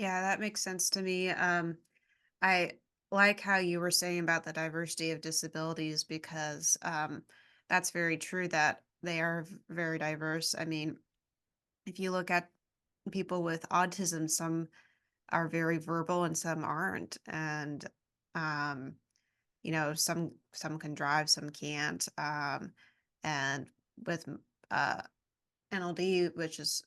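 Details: Adult woman speaking; ordinary speech.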